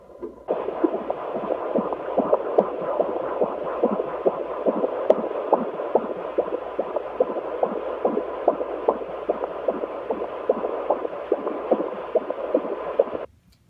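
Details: Normal fetal heart sounds on Doppler during intermittent auscultation in labor: rapid, regular whooshing beats at about 140 a minute.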